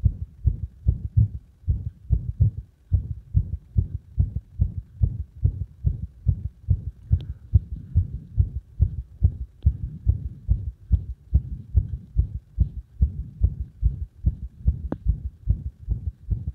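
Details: Arrhythmia caused by compression: heartbeat heard as paired thumps at about 70/min with uneven spacing between beats; an irregular rhythm.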